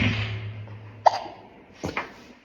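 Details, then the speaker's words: Young girl (toddler) makes brief, abrupt catching sounds in a quiet room: ordinary hiccups. "you get the hiccups yeah"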